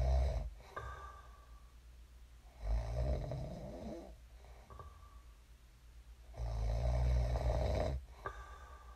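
Deep, rumbling snores recur with each breath in, about every three to four seconds, with quiet gaps between them.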